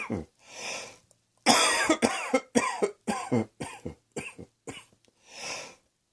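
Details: Cough: a run of about ten short, harsh coughs with breaths in between, sounding acted rather than from real illness.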